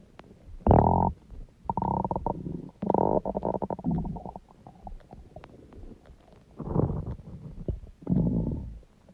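Loud, long, low groaning and gurgling growls in several bursts; stomach growling.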